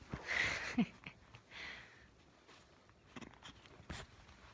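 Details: 8-week-old puppy with hiccups: a few short, soft hiccup clicks amid quiet room noise.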